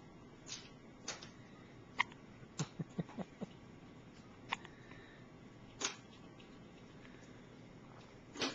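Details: Infant with hiccups, recorded in a hospital: soft, sharp catches repeating at irregular intervals, about eight in eight seconds, over a quiet room.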